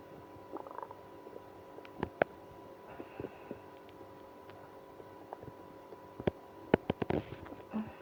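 Soft gurgles and scattered clicks and pops over a faint steady hum; active stomach growling in irritable bowel syndrome.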